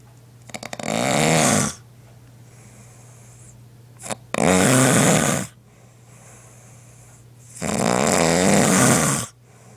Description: I was not aware how I was snoring until it videoed